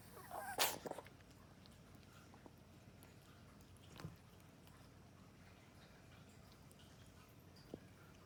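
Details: Dog coughing: one sharp, explosive burst, then a much fainter one a few seconds later, amid quiet room noise.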